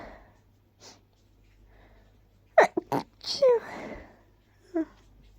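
A run of quick, partly held-back sneezes with a sharp "choo" burst, then a softer sneeze. Stifled sneezing.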